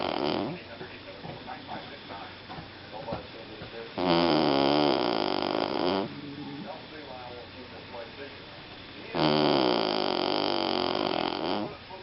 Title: - 2014 11 01 Snoring away